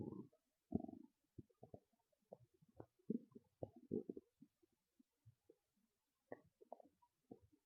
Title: Loud Stomach Growls and Gurgles (Full Video Available) #stomachnoises #stomachrumbling #stomachasmr